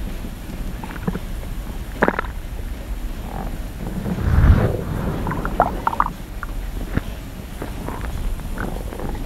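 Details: Stomach growling recorded as ASMR: low rumbling with a louder gurgling swell midway, brief bubbly squeaks, clicks and crackles over steady hiss; bowel sounds (borborygmi).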